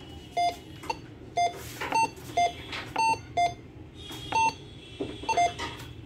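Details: Steady electronic beeps at about 60 a minute, alternating between two pitches, over room noise and faint music; LPM 904 cardiac multiparameter bedside patient monitor sounding during a configuration demonstration.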